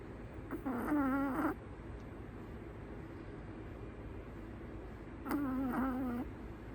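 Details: Female Chihuahua in deep sleep in her owner's arms, raw audio without music: two soft, wavering whistle-snores with a quiet, slightly noisy gap between them; gentle snoring.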